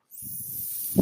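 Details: Speaker's own mechanical ventilator heard while talking on a podcast: a steady rushing hiss of air with a soft low rumble as a breath is delivered.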